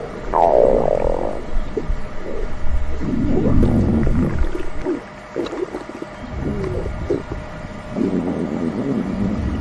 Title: Stomach Growling 💕💕